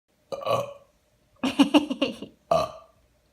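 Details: 11-month-old baby playing a burp game with his dad: three voiced burps, the middle one longer and bubbly, in a quiet room; ordinary eructation.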